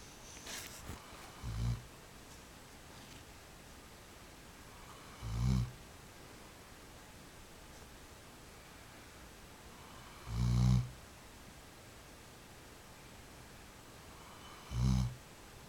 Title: snoring